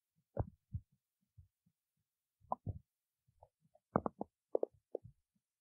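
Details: Stomach growling in a quiet room: quiet, irregular gurgles and low bubbling pops from the abdomen; ordinary bowel sounds (borborygmi).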